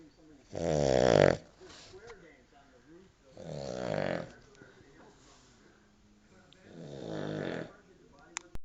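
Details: Family dog snoring "like an old geezer".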